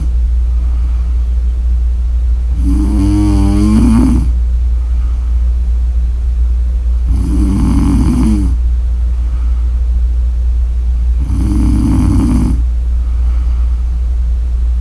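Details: Snoring: three loud, rough snores on breathing in, about four seconds apart, over a steady low background hum.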